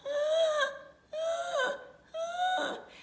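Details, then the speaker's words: An adult imitates three high-pitched squealing in-breaths, mimicking the inspiratory stridor of croup that signals a dangerously narrowed airway and a true emergency. "but then the true through emergency situation with croup would be on inhalation as they breathe back in if they make a high-pitched inspiratory squeal sound like"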